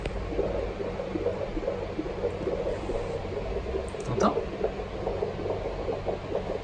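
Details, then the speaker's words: Handheld Doppler at a home check in the 9th month of pregnancy: rapid, regular pulsing whoosh at about 150 a minute with a brief louder shuffle, likely movement; normal fetal heartbeat. "So like we said before, the baby is like this right now, so we should have a heartbeat easily."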